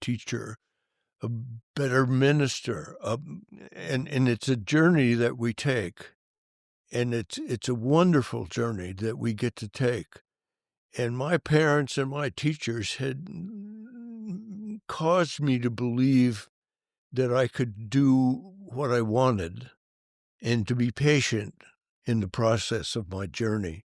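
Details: Adult male band director with stuttering that was severe when young and persists, once described by a prospective employer as a slight stutter; stuttering.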